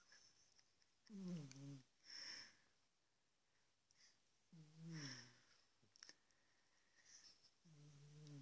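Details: A big pet cat snoring, recorded with a smartphone.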